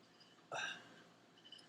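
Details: Chemotherapy patient with acid reflux and hiccups lasting days, recurring about every hour and a half: a single sharp, abrupt voiced hiccup against quiet room noise.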